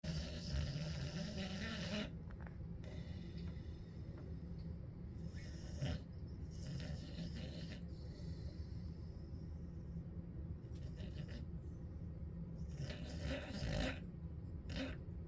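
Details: Dog snoring while resting on a hot day: a steady low rumbling snore with a few louder breath noises over steady background noise.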